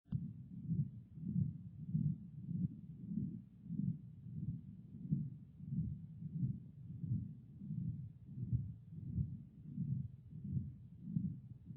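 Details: Patent ductus arteriosus, an acyanotic congenital heart disease, heard by stethoscope: regular heartbeat near 91 a minute with a continuous low rumbling murmur swelling and fading through each cycle.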